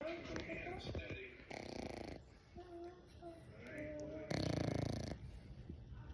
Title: English Bulldog Puppy Snores 🐶